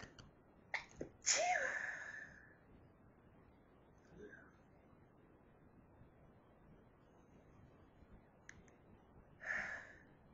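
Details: Hay fever sneezes, teased and held back as antihistamines tried to stop them; two forceful sneezes several seconds apart, each preceded by a quick breath in, in a quiet room.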